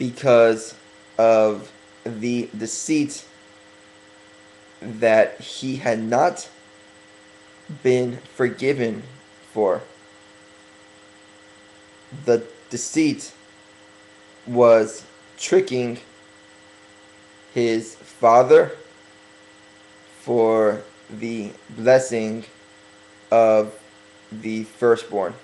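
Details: Man working on his stuttering, deliberately speaking slowly as self-correction; stuttering.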